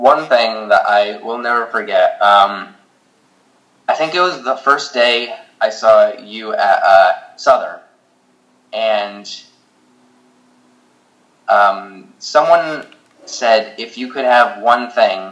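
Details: Stuttering in a teenage boy who stutters, speaking in a paired online stuttering therapy session with a stuttering specialist.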